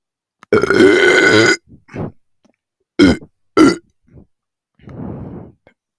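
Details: While drinking Coca-Cola, after choking and coughing on it: several loud throaty burps, one long and a few shorter, with small gulping sounds between; repeated belching.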